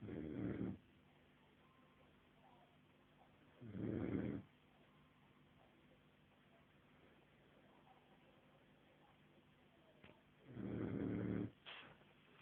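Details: 5-month-old sleeping, giving three rough, low snores spaced several seconds apart, with a quiet room between them. Ordinary snoring.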